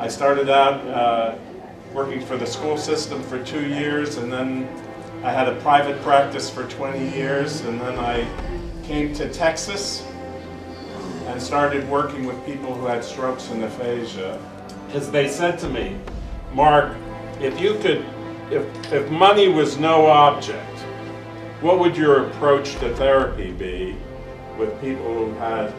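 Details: Adult male speaker; Normal speech.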